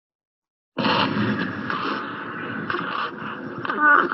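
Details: Wheezing, presented as a breath-sound recognition question in a pediatrics teaching session.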